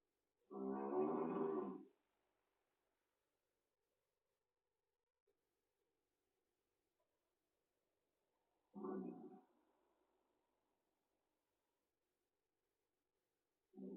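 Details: Small cat snoring: loud, buzzing, tonal snores, about three bursts in 14 seconds with long quiet pauses.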